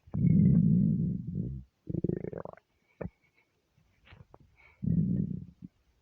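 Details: Loud, drawn-out low stomach growls with gurgling bursts between them, hunger rumbling from a starving stomach; borborygmi.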